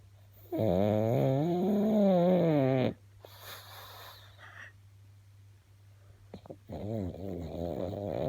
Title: My snoring pug